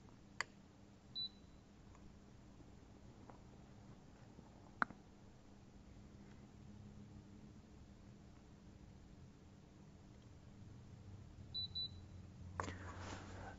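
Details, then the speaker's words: AJ15/16 dental chair hydraulic reset: after the P button is held for about 12 seconds, two short high beeps from the control panel confirm the step, in a quiet room with faint clicks. "the second step press P button about 12 seconds until you hear two beeps"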